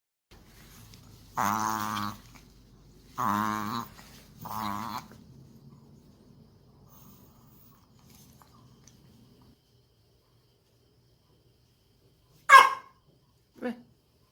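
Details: Three honking, goose-like snorting inhalations, then a quiet pause and two brief sniffs: a reverse sneezing episode in a dog.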